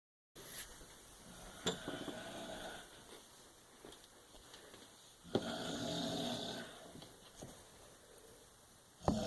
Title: My mom snores way too loud